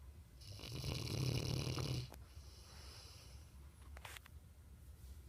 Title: Trixie snoring. Ever wanted to know what it was like to sleep with a Mastiff? Here ya go...